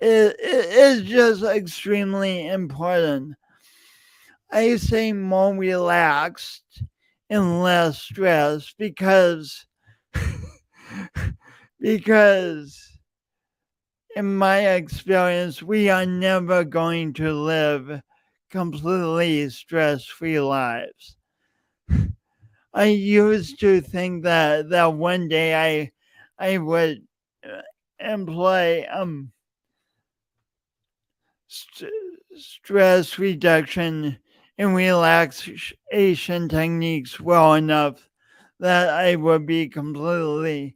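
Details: Real, self-reported speech impediment in an adult male, present for years and heard whenever he speaks; stuttering (speech disfluency).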